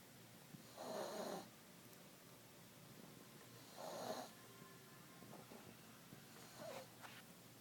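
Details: Sleeping cat snoring: soft rattling snores on slow breaths, about 20 a minute, with quiet room noise between them.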